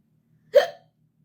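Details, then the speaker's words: A single sharp, abrupt vocal hiccup from a woman with night-time hiccups in her dark bedroom, trying to go to sleep; otherwise quiet room. "save me save me from these awful hiccups I can't stand them I just want to be able to get my work done and go to sleep"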